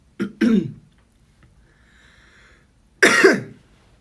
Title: BoyNextDoor cough